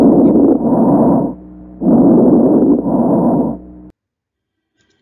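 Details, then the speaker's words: Chest auscultation example of pneumonia: harsh, loud bronchial breathing with a grainy crackling texture, i.e. bronchial breathing with coarse mid-inspiratory crackles. "هنا في برونكال بريسنج لو خدتوا بالكم، ومعاه كورس ميد انسبيراتوري كريبيتيشن"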